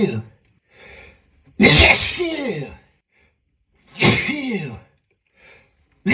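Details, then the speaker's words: Acted adult sneezing in a hiding role-play scenario, the sneezer allergic to lavender and unable to hold it back: two loud, forceful sneezes with breathy build-up between them, an imitated allergic sneezing fit. "But but I really can't help it. I got to sneeze. I got to sneeze."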